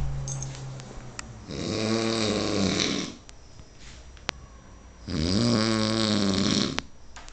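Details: Drunken snoring from a flatmate, recorded in Ireland.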